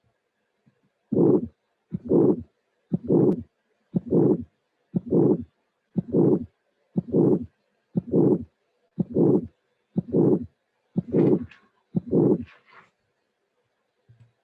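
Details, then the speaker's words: Aortic stenosis: a harsh, rough systolic murmur with each beat at about 60 a minute, played for contrast with the soft systolic murmur of mitral regurgitation. "the first one was ortix stenosis systolic and rash uh and the second one was mitral vegetation systolic and soft"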